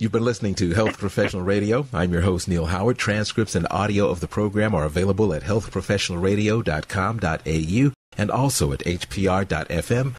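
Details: Adult male speaker; normal speech.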